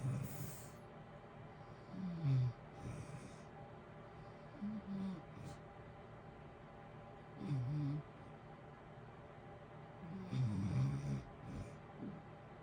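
Low, rumbling snores about every three seconds over steady heater hiss; ordinary snoring during sleep.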